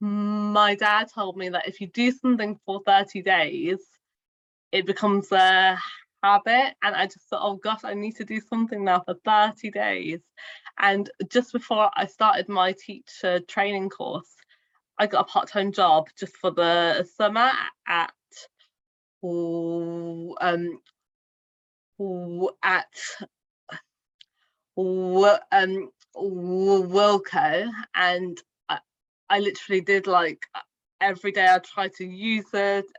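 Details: Adult woman, a primary school teacher who has stammered since childhood and has had speech therapy since childhood, speaking spontaneously in a real podcast interview; stuttering.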